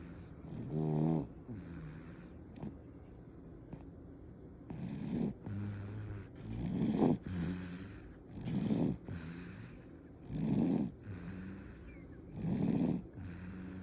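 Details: Sleeping baby snoring: soft, rattly snoring with each breath, about 33 breaths a minute, over faint room hiss; infant snoring, with the question of whether it is normal.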